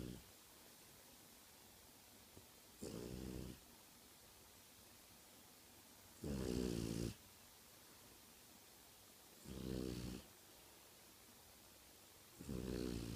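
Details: French Bulldog snoring in its sleep, all night long: regular snorting snores about every three seconds, roughly twenty breaths a minute, over steady background hiss.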